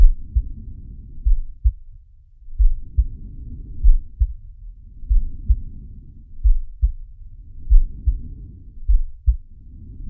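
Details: Simulated (animated cartoon) heartbeat and breathing of the character Sharky: slow, soft breath sounds about 16 a minute with low thumping heartbeats heard through them.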